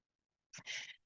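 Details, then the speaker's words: An adult's own cough during a live talk, which the speaker attributes to heavy pollen in the air constricting the lungs. "As you're hearing my cough, there's that sound of cough of there's just a lot of pollen in the air right now. H and it's and it's it gives me and it constricts my lungs some."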